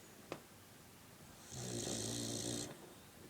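A single rough, buzzing snore on one in-breath after a quiet pause, with a brief click before it.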